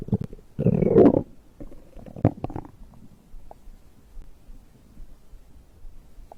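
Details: Stomach growl after drinking a beverage: loud gurgling rumble followed by softer bubbling and squeaks, ordinary digestion bowel sounds.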